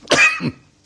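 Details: Cough during a satirical Lebanese comedy clip about coughing and runny noses on political TV programmes.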